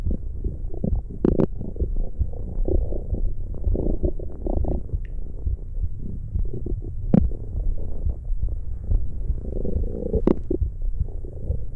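Low, continuous gurgling and rumbling with a few sharp pops: stomach growling, ordinary bowel sounds.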